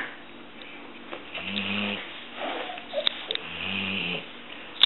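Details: Yellow Labrador dog snoring while sleeping with eyes open; two slow, low rumbling snoring breaths with quiet pauses between.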